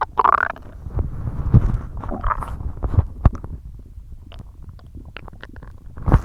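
Low gurgling rumbles and squelches from the belly, ordinary gut sounds of stomach growling.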